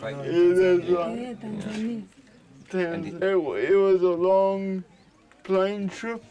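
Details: Dysarthria in a 32-year-old man with cerebral palsy since birth, high-needs and dependent on 24-hour care; speech is slurred, and a caregiver says it slurs more when he is tired.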